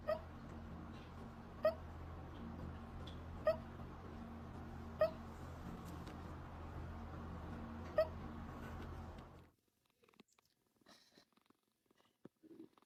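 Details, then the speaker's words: Kitten with hiccups: five small, sharp hiccup clicks at irregular intervals, about 40 a minute, over a steady background hum, then near silence. "has the hiccups. Hey. Oh, you got hiccups? You got hiccups? You got hiccups?"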